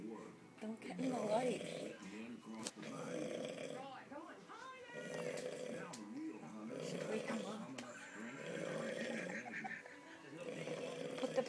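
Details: Adult man (uncle) asleep, snoring heavily: loud, rough, rattling snores in repeated bursts with brief pauses, faint room noise.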